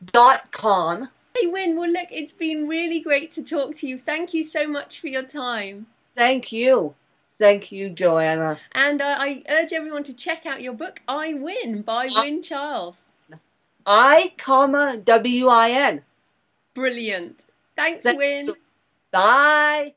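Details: Adult female speaker, conversational exchange; ordinary speech.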